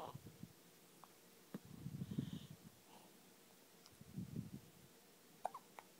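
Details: Faint, soft hiccup-like jolts at irregular intervals with low breathing noise from a boy who reportedly started hiccuping in the womb; hiccups.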